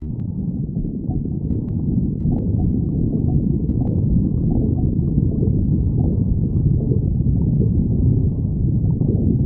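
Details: Stomach growling: continuous low rumbling with faint drawn-out gurgling tones.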